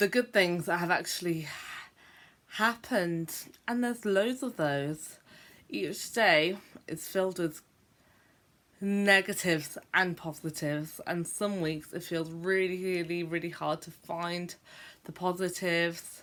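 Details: Adult woman who describes herself as a stammerer, speaking on what she calls a bad day for her stammering; stuttering.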